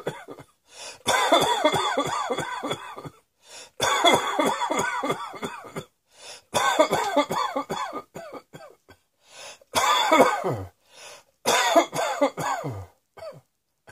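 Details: Acted adult coughing in about five harsh, voiced bouts, each a quick run of several coughs.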